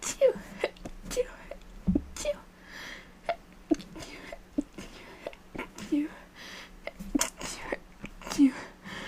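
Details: Person with a cold: a run of short, sharp, breathy sneezes, several with a brief voiced intake before them, in a quiet room.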